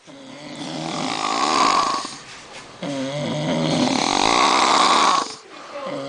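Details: Heavy snoring from a sleeping adult: two long, loud, rattling snores, each a harsh vibrating breath in, with a brief pause between.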